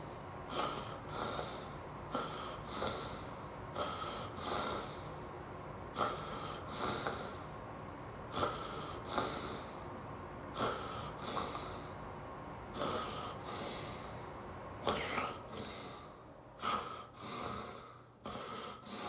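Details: Loud irregular snoring, snorting and gasping breaths, about 27 a minute, during a real generalized tonic-clonic (grand mal) seizure in an adult man with epilepsy, lying on his side; aura of déjà vu preceded it.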